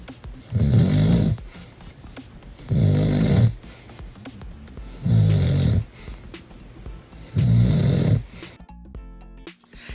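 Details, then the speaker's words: A boyfriend snoring during sleep, recorded before he tried an anti-snoring tongue device: loud, low rattling snores repeating steadily, about four in ten seconds. "Like, he's so loud. Like love him to death, but he's loud, super loud. Like he's louder when he sleeps than when he's awake and I didn't even think that's possible. So, it is crazy how loud he snores."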